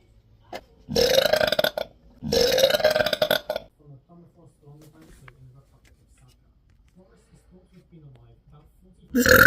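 Two long, loud burps, each about a second, then soft talk in the background and another burp starting at the end.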